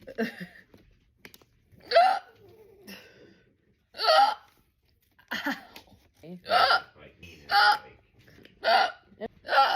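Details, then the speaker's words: Painful hiccups while trying to scare them away: sharp, abrupt voiced gulps recurring at irregular intervals, about eight in ten seconds, with short pauses between them. "Trying to scare my hiccups away. Sometimes they get camera shy."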